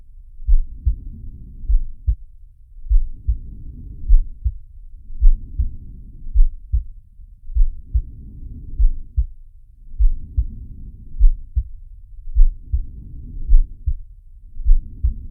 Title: Sharky's heartbeat and breathing sound